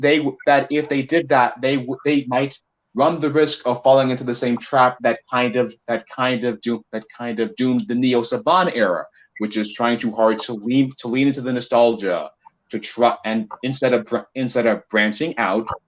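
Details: Male co-host who self-reports a bit of a speech impediment of unspecified type: speech disfluency with phrase repetitions.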